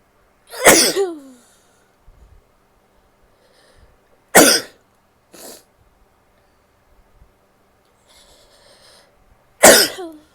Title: sneezing, coughing and nose blowing (f)